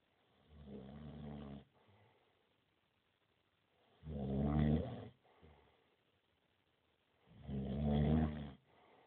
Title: snoring friend